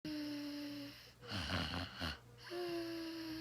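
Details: Betsy snoring: whistling tonal sounds on the breath, broken by a rough fluttering snore; noisy sleep breathing, snoring.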